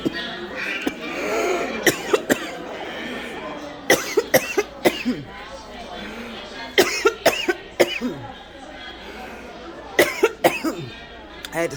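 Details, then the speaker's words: Coughing spell of about a dozen sharp coughs in short clusters, over background chatter and store noise; coughing fit. "away i got so excited that my coffin started out"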